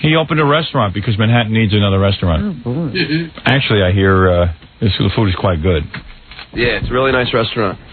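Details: Adult male speaker, radio broadcast; typical speech.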